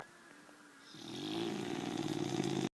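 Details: Sleeping boxer dog: quiet, then one long, loud, rattling snore that builds and cuts off abruptly; snoring.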